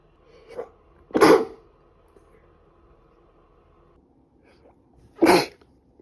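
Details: Two loud, explosive sneezes a few seconds apart, each preceded by a short intake of breath, from a woman with a cold who has been sneezing badly for about three days.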